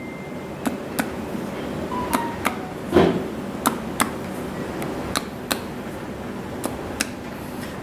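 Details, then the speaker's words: Abdominal percussion for shifting dullness, from midline toward the right flank; tympanic note stays unchanged, indicating no free fluid, normal finding. "normalnya tidak terjadi perubahan suara timpani tersebut artinya tidak terdapat cairan bebas"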